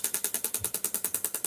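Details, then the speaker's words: Radial shockwave therapy device applicator placed on the skin during treatment: fast, even clicking pulses, about ten per second. "this gold one will penetrate a lot deeper than the one i've got on just now so that will disperse the shock waves straight through it"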